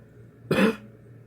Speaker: the way you do cough is you don't go {coughing noise} go crazy what you do is just a little bit at